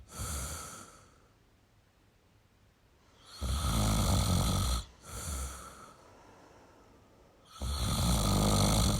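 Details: Male snoring: loud rough snores on inhalation with quiet pauses between, about two or three breaths in nine seconds; ordinary snoring.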